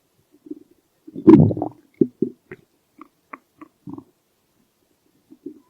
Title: Stomach growl